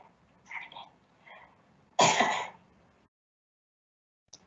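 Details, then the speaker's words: Patient with neuromuscular disease giving a voluntary cough: soft breaths, small inspiratory component, some glottic closure, then one sharp burst; cough peak flow low at 70 L/min, with background noise; voluntary cough in neuromuscular disease. "There was less movement, there was less of an inspiratory component. It seemed like there was some glottic closure, but the cough peak flow compared to the person that you saw before was significantly lower at 70 litres per minute."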